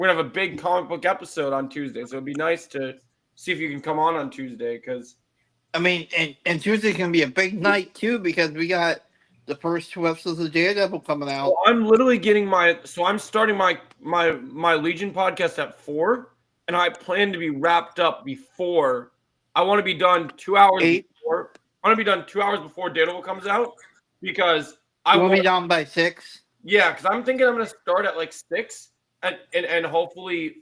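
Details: Adult male speaker; ordinary speech.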